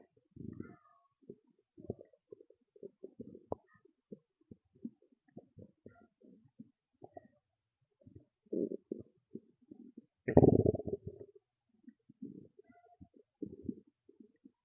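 Repeated low gurgles and rumbles with one louder growl, ordinary stomach growling from gas and fluid moving through the bowel.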